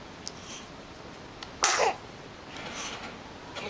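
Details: A single sharp, explosive sneeze burst against soft room noise; sneezing.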